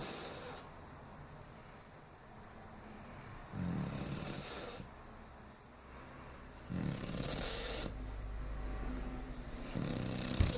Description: When she is snoring, she's not getting in trouble.